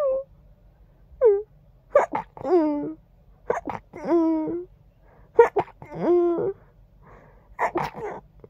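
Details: Stifled sneezing.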